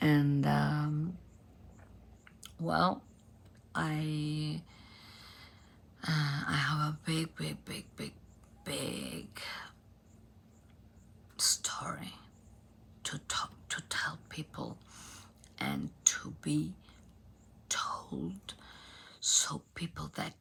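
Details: Adult female professional singer from Argentina with abductor spasmodic dysphonia, in which spasms open the vocal cords. Onset was in 2015, and it is treated with Botox injections.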